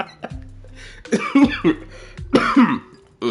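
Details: Adult male streamer with nasal congestion coughs and clears his throat into the microphone.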